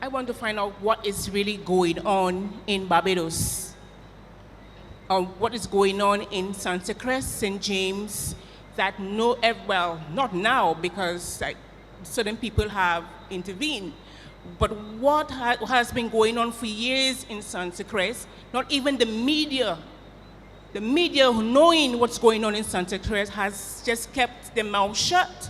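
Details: Adult woman speaking; ordinary speech.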